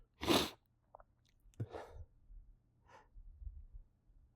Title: Announced Sneezes (some big ones) and failed holdbacks. (Still bad at them).